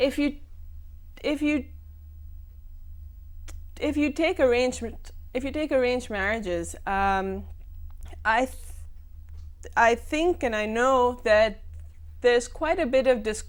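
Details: Adult woman who stammers, speaking in a TV talk-show interview, with audible word repetitions; stuttering (stammering).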